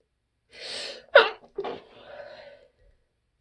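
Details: Person out of allergy medicine sneezing at work: a breathy intake, then a sharp stifled burst and a softer second one; a muffled, suppressed sneeze.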